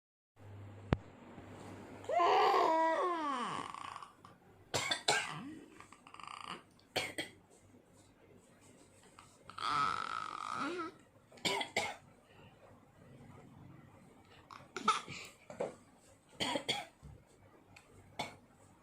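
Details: Baby imitating a grandmother's cough with short, sharp cough-like bursts in pairs between two longer voiced sounds; imitated cough.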